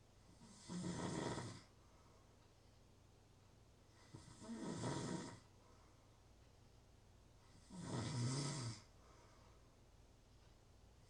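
Three rough, rattling snores on inhalation, about 17 a minute, with quiet pauses between; ordinary snoring.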